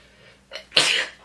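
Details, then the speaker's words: Short inward catch of breath then a single sharp, forceful sneeze from an adult with spring allergies (not a cold), tickling ears and throat; repeated sneezing during the morning; ordinary sneeze. "It's sunny. I gotta sneeze. There we go. It's been my morning."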